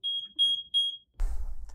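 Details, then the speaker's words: Three short high-pitched electronic beeps, then brief room noise: a Plum 360 infusion pump's callback alarm sounding as a two-step loading-dose program switches to 0.5 mg per minute after six hours. "that we have an active callback alarm programmed as well after six hours threat will automatically change to 0.5 milligrams per minute and our callback alarm will sound"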